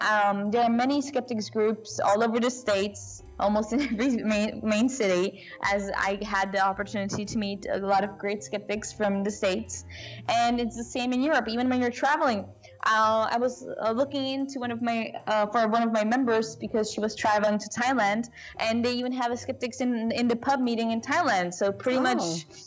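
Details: Adult woman speaking; Normal voice.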